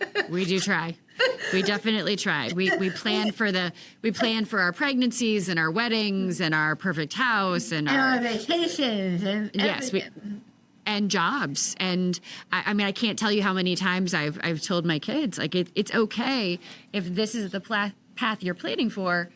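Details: Adult woman speaking, with a second adult interjecting; ordinary conversational speech.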